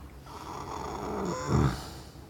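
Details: Tired, sleeping horse, addressed as "baby boy": a single long, deep, rumbling snore ending in a fluttering snort-like sound; snoring.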